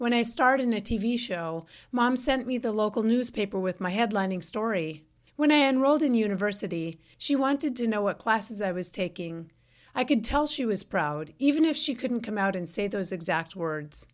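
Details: Adult woman; typical speech.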